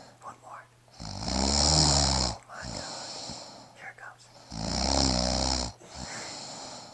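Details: Snoring.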